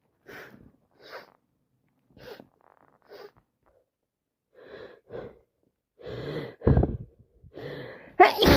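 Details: Person with allergies and a cold, non-stop sneezing: quiet inhaled catches building into a run of sneezes ending in a loud explosive sneeze; repeated sneezing.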